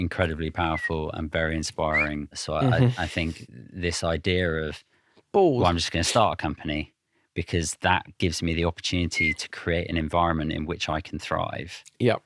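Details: Adult man; Plain speech.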